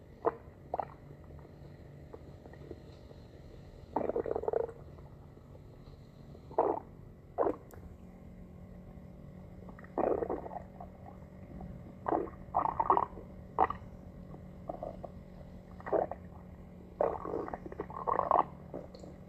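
Irregular gurgling and bubbling bursts over a quiet steady hum, typical of ordinary stomach growling.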